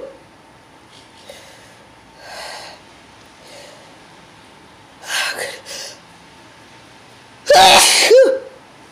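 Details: Very intense repeated sneezing fit, person unable to stop, eyes affected: sneezes building from soft breathy bursts to a loud explosive sneeze with a voiced cry.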